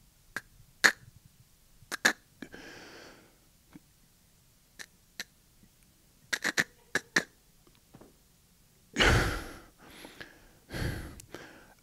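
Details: Stuttering with speech blocks in an adult man imitating how he tried to read aloud in class as a child. He describes a severe childhood stutter that lasted through his teens and college into his early 20s.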